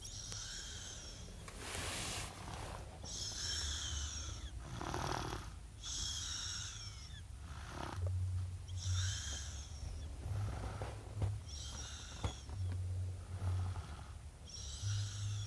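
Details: Repeated snoring on the in-breaths, alternating with low snorting rumbles on the out-breaths, over a steady background hum; snoring.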